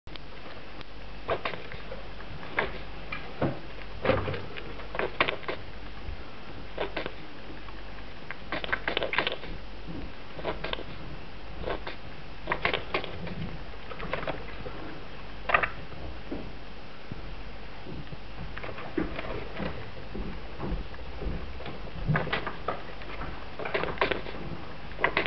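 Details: Pet rat sneezing frequently, owner wondering whether a vet visit is needed: tiny, sharp click-like sneezes repeating over a quiet room background.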